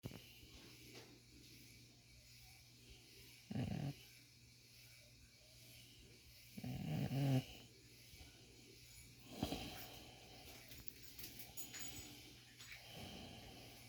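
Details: A man after a shower, having an ingrown hair removed from his beard, falls asleep and gives three low rattling snore bursts at irregular intervals over a steady low hum; snoring.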